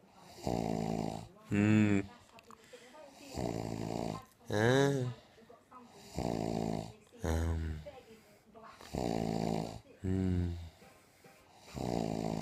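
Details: Woman who says she does not snore, recorded snoring: loud rhythmic snores about 21 a minute, alternating rattling and voiced, groaning breaths, in a quiet room.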